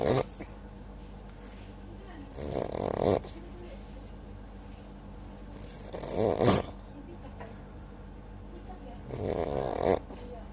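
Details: Passenger sleeping on a bus: three loud, rattling inspiratory snores about four seconds apart, roughly 15–18 a minute, over steady vehicle engine hum; snoring.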